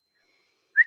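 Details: Whistle occurring during speech, one of her frequent vocal tics, in a woman with Tourette syndrome.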